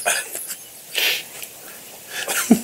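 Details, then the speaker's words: Adult sneezes with a sharp, hissing burst, then coughs once shortly after, in a small room during a radio show; sneeze and cough. "Oh, you all right? Ooh, a sneeze and a cough. How'd that work"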